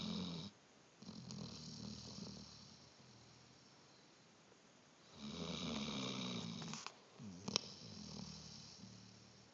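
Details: Soft, rattling snores in irregular bouts with quiet pauses between breaths; snoring.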